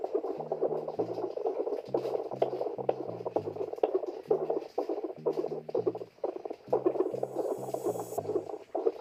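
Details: Fetal heartbeat at home on a wireless Baby Tone fetal Doppler with mobile app: rapid, rhythmic whooshing pulses at roughly 125 a minute over soft background music.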